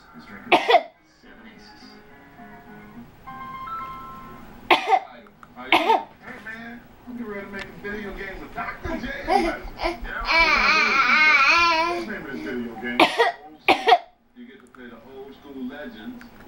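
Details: 30-week-old baby boy gives about five short, sharp deliberate coughs between babbling and squeals, a fake cough used when bored, frustrated or seeking attention.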